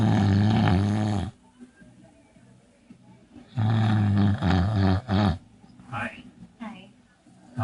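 Loud, deep, rattling snores in separate bursts with quieter breathing between them, typical of heavy snoring.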